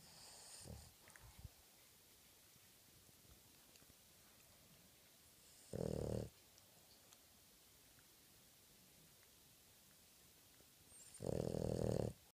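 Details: A sleeping dog snores in loud, rough bursts about every five seconds, with quiet between.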